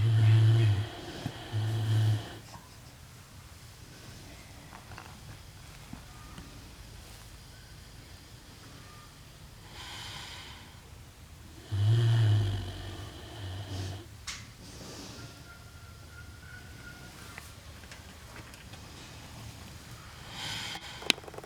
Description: This is literally one minute of Angi the pig snoring, as she does.